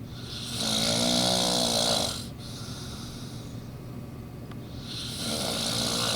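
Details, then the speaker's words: A sleeper who dozed off after a couple of beers: rough buzzing snores on the in-breath with quieter breathing between, over steady background hiss; snoring. "wow I thought I snored loud like a lawnmower say good night neemo good boy"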